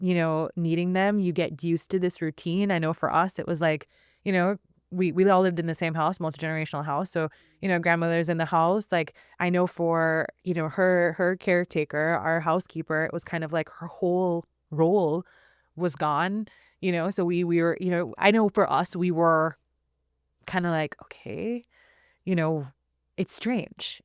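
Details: Adult woman who self-identifies as a person who stutters, recorded speaking in a real interview; stuttering.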